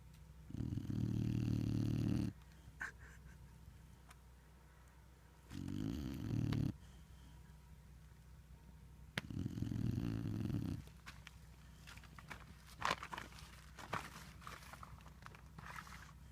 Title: Lincoln snoring at Big Lake